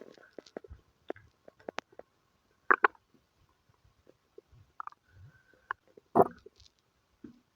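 Scattered gurgles, squelches and short bubbling rumbles at irregular intervals in a quiet room; bowel sounds.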